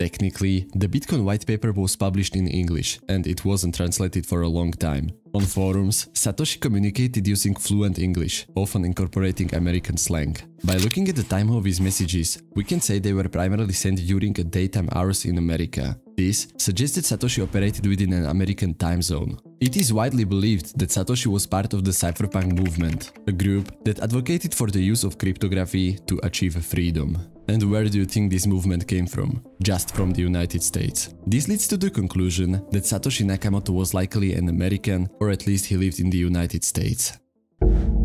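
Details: Adult male narrator; normal fluent speech.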